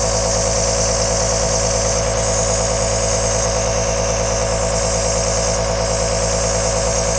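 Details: Aerosol compressor nebulizer running: a steady motor hum with a fast rhythmic buzz and a constant airy hiss, recorded as long-play white noise.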